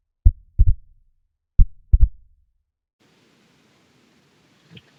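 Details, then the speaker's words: Two slow heart cycles with a soft extra low thump just after S2, heard with the stethoscope bell; S3 ventricular gallop, linked to volume overload or systolic failure such as dilated cardiomyopathy. "इसकी वजह से अपने को S3 the ventricular Gallup सुनाई देता है। अब अपन उसको सुन के देखते हैं।"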